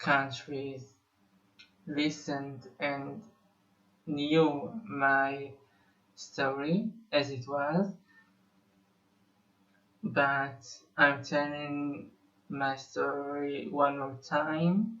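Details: Musician who says he has been a person who stutters for almost 21 years; stuttering.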